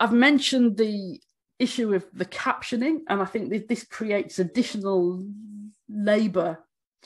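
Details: Stammering in an adult woman who states she stammers, speaking during a conference presentation.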